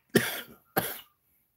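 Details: Two short, dry coughs from an adult a half second apart, with a scratchy throat mentioned right after; plain cough.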